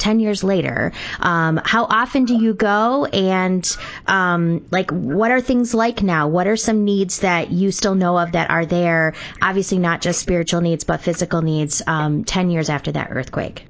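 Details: Adult woman; normal speech.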